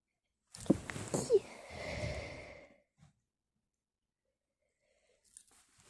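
A sharp inward gasp followed by an explosive burst and a trailing exhaled rush: a single sneeze, then quiet.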